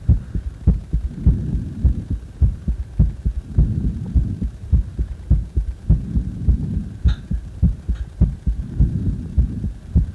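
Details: Steady, fairly quick thumping heartbeat with clear lub-dub beats, recorded after CPR.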